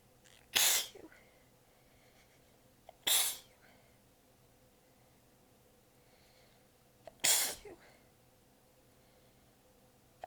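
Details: Three sharp, hissing, short held-back sneezes seconds apart in a quiet room, from an exhausted adult with sore abs biting them back during a long, massive sneezing fit; repeated sneezing.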